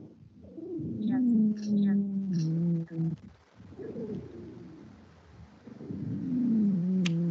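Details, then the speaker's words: EMT-course teaching recording of an expiratory wheeze: short inspiration and long expiration, with musical, high-pitched whistling tones during expiration and normal-sounding inhalation, dipping quiet between breaths, with faint room noise: wheezes. "do you hear the short inspiration and long exploration and then you hear that high-pitched noise in the exploration that's a excretory wheeze still that high-pitched whistle"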